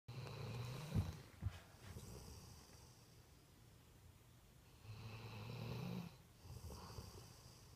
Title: Snoring dog